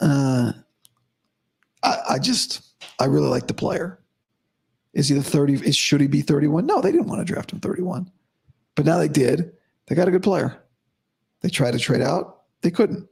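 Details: Adult male host about five to five and a half weeks after vocal cord surgery, voice improving daily but likely unchanged from yesterday after heavy voice use and no sleep; dysphonia after vocal cord surgery.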